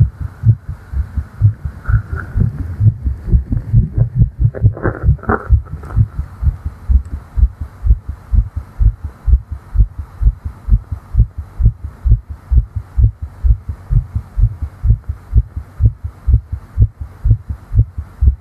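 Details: Simulated roleplay of a female's fast heartbeat heard with the head on her chest, said to be tired after flying: rapid, regular beats about 128 a minute with clear normal heart sounds.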